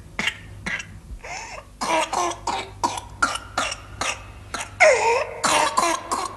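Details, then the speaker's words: Whooping cough (pertussis) spasm, a disease putting every child under six at risk, in a 1980s health-education public information film; rapid run of about a dozen harsh coughs in quick succession with strained intakes between. "whooping cough is a disease that spreads easily and puts every child under six at risk"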